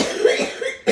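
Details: Short, harsh cough burst followed by the onset of a second, in an adult with cystic fibrosis on antibiotics, coughing after a nebulizer medication throw.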